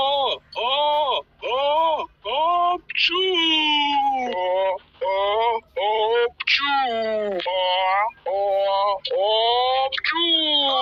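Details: Infant crying: repeated high-pitched, tonal wailing bouts with short breaths between them, typical of sustained crying.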